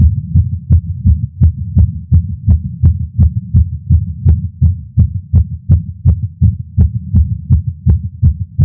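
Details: Male's heartbeat recorded with a Stemoscope stethoscope while smoking a cigar after not smoking for a while, feeling lightheaded: strong, regular thumps about 165 per minute; nicotine-related tachycardia.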